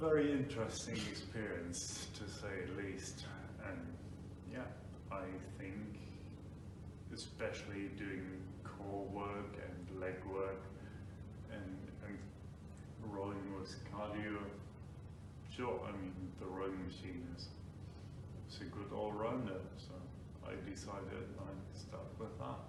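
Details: Man with Friedreich's ataxia diagnosed about five years earlier; ataxic dysarthria due to Friedreich's ataxia.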